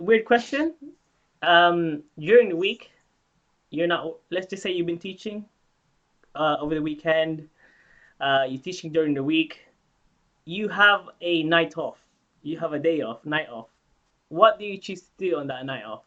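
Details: Adult speaker; normal speech.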